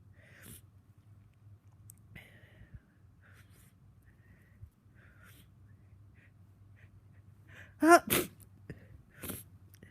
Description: Woke up very snotty and sneezy again today. Sneezing throughout the day and lots of snotty spray.